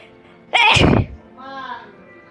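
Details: Woman gives one loud, explosive sneeze followed by a short voiced sound, with music in the background; sneeze.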